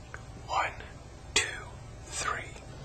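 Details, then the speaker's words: Whispered pectoriloquy: the patient whispers "one two three" and it comes through the chest wall louder and clearer than normal, suggesting the air-filled lung has become airless (consolidation). "all these changes in voice sound suggest that the air-filled lung has become airless"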